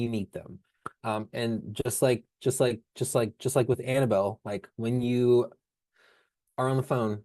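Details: Stuttering in an adult speech-language pathologist who stutters, speaking in a stuttering association session about counseling for people who stutter.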